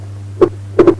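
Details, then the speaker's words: Right bundle branch block: clearly split second heart sound showing wide splitting of S2 with respiratory variation, over a steady background hum. "Right bundle branch block, wide splitting of S2 with respiratory variation."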